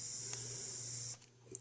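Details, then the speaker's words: Handheld battery mesh nebulizer operating, mist coming out for direct mouthpiece inhalation: steady high-pitched hiss with low hum, stopping abruptly when switched off. "ady the mist coming out of the machine so it will work without this being down all the way"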